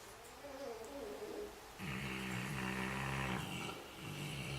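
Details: A Saint Bernard dog that fell asleep in the kitchen: low, rumbling snore with a long droning breath in the middle, quiet room noise behind; snoring.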